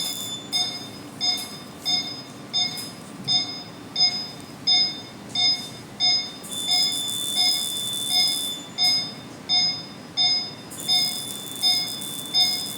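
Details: Steady high-pitched beeps about 87 a minute with light hiss: CO2 laser firing during second laser session on a large neck scar, two months after removal.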